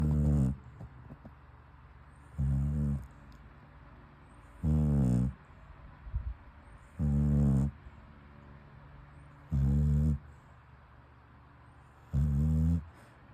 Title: When your dog snoring too loud